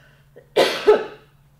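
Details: Voluntary cough for airway clearance: a single deliberate cough from an adult woman. It clears mucus moved into the upper airways after three huffs, within an airway clearance breathing cycle.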